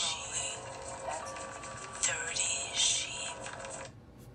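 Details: Auditory processing disorder simulation of sensory overload: dense layers of music and competing voices, including a Peter and the Wolf narration, blur together so the sounds are hard to separate.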